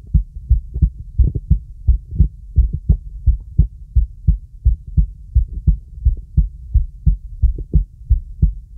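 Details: Normal heart sounds heard with the stethoscope diaphragm on a girl during relaxing full-body auscultation with a real stethoscope: steady, regular paired heart thumps at about 85 beats per minute.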